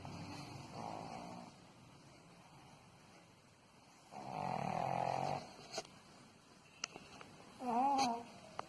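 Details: 7-month-old pug puppy sleeping on owner's lap and snoring like an old man: rough, rattling snorts on each breath with a whistling, tonal edge.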